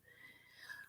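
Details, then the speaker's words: Pet dog snoring in the background of a live evening chat, which the owner first mistook for something outside, possibly an owl. "i think we got i think what is that noise oh i think it's my dog's snoring i thought there was like something outside freaked me out sounds like an owl it's my dog"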